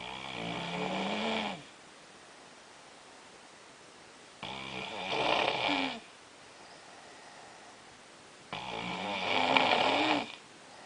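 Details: Snoring at 3am during sleep, described as sleep apnea: three long rattling inspiratory snores, about 14 a minute, separated by quiet expiration.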